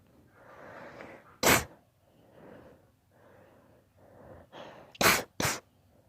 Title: My daughter's rapid allergy sneeze fit